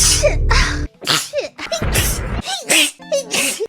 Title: Hololive Sneeze in 1 minute